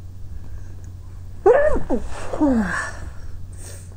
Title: trying to stiffle and hold my sneezes back